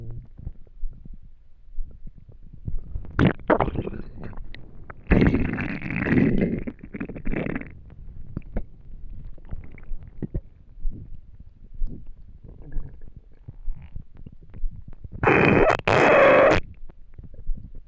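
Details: Loud gurgling rumbles and squeaks from an empty stomach after not eating for a day; ordinary hunger stomach growling (borborygmi).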